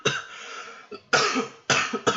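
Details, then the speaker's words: A quick run of three or four harsh coughs from an adult who says they are sick, with sniffling at times; cough. "Excuse me, I'm so sick, so you can hear coughing and sniffling from time to time, so I do apologize."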